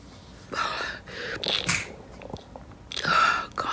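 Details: A 39-year-old woman with COVID, her second infection, with a headache, chest pain and a blocked nose, gives a sharp inhaled catch followed by explosive, hissing bursts; a sneeze.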